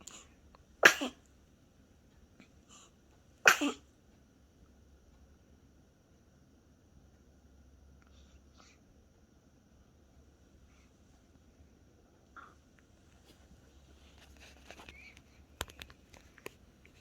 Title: 24102023 재채기!